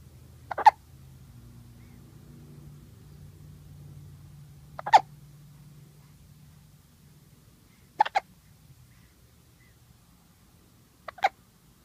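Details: 2-day-old newborn with hiccups: four sharp, brief hiccup sounds at irregular intervals, about 14 a minute, over quiet room noise.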